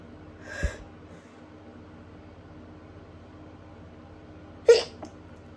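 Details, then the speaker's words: Person with autumn allergies reporting an allergic reaction and trying to stifle sneezes; two brief, sharp, muffled bursts about four seconds apart over a low room hum; stifled sneezing. "I'm having a allergic reaction. I don't know what to do. It won't come out."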